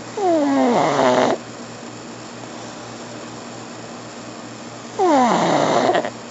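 Two loud, whistling, rattly breaths in, about five seconds apart, with a faint hum between: a flat-faced dog snoring.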